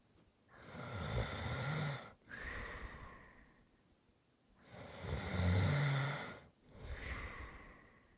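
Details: Two loud, rattling snores on breathing in, with quieter breaths out, about 15 breaths a minute; typical snoring during sleep.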